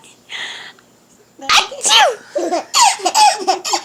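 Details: Baby giggling in bursts of laughter after one abrupt sneeze; sneezing.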